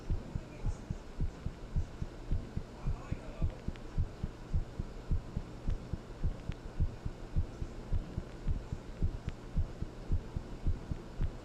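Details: A normal heartbeat recorded after talking with someone and then thinking about them: steady, regular lub-dub at a brisk rate of roughly 100 a minute over a low hum.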